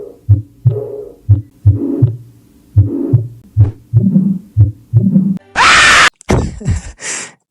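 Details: Heart murmur: repeated low heartbeat thumps with a soft rushing "shhh" sound filling the gaps between beats from turbulent blood flow.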